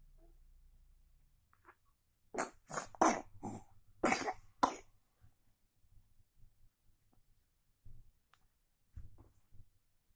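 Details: Persistent repeated cough, reportedly reduced after applying a face mask product. A run of about five harsh coughs in quick succession, then quieter throat sounds in a small room.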